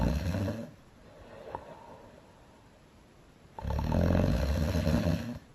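Two loud, rumbling, exaggerated snores separated by a quiet pause, from an animated film.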